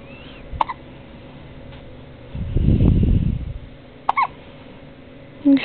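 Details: Girl with hiccups: two short, sharp hiccup-like gasps a few seconds apart, with brief rustling between them.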